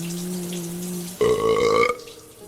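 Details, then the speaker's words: A single loud, throaty belch in a health-awareness skit warning that frequent burping may signal acidity, bloating, indigestion or chest discomfort; burping. "बार-बार डकार आना या [संगीत] gas को सिर्फ normal समझ कर नजरअंदाज मत कीजिए।"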